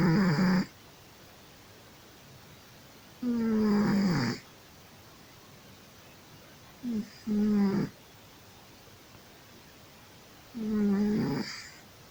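Loud rattling snores on each breath in, about four in twelve seconds, with quiet pauses between: a sleeping cat snoring.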